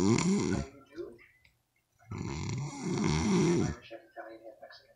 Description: When the snoring gets to loud